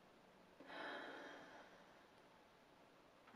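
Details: A respiratory physiotherapist demonstrates a deep breath with a breath hold, the thoracic expansion exercise of the Active Cycle of Breathing Technique used to clear phlegm from the chest.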